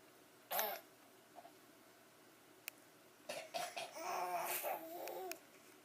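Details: A young child fake-coughs, imitating adults' deliberate coughs, followed by a brief babbled voice.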